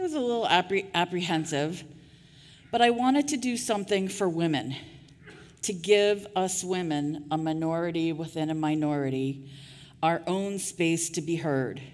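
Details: Adult woman with real stuttering who saw a non-speech-language-pathologist therapist for years, speaking at a 2023 stuttering association conference keynote; stuttering.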